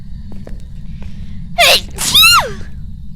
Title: I sneezed and it got me killed